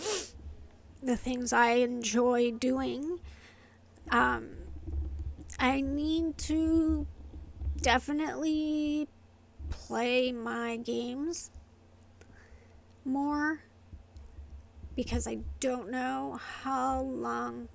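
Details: Adult woman with inherited, progressive essential tremor affecting her vocal cords and hands, diagnosed by a movement-disorder neurologist, plus medication-induced tardive dyskinesia from long-term antipsychotic use; essential voice tremor.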